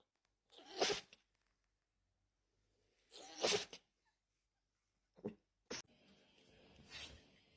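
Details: Dog sneezing: two loud, forceful sneezes a couple of seconds apart, then a short snort and huff in a quiet room.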